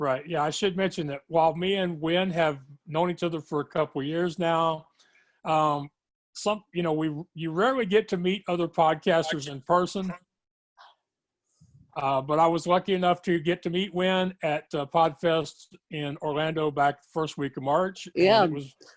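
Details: Adult speaker; normal speech.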